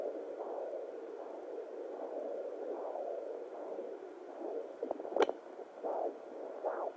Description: This is what I hear on my fetal doppler